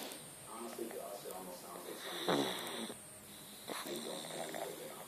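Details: Snoring during sleep: rough, rattling breaths with snorting bursts over constant room noise.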